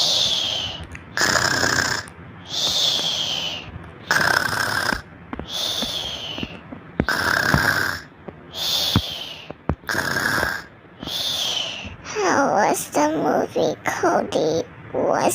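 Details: Loud rhythmic snores with a whistling edge on the in-breaths, about 40 a minute, then a burst of mixed sounds at the end; snoring with sleep talk.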